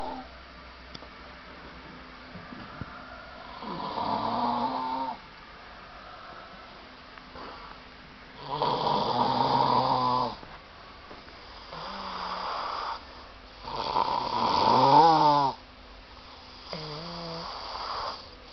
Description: We suffer when you snoring. Hope this will enlighten the world up. lol